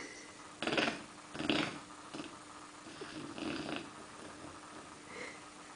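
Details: Snoring from a sleeping four-month-old Bernese Mountain Dog at night; soft, irregular, rasping breath noises in a quiet room.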